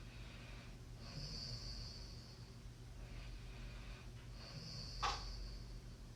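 Soft, hissing breaths through the nose with faint snorting and a brief whistle, over a low room hum; light snoring during sleep.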